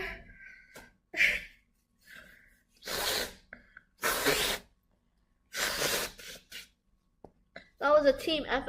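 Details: Girl who says she can't stop sneezing: three forceful sneezes in a row, each an explosive burst after a brief breathy lead-in; sneezing.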